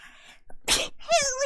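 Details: A short indrawn breath, then a forceful, hissing sneeze and a brief voiced sound; a VTuber livestreamer sneezing, from a sneeze compilation.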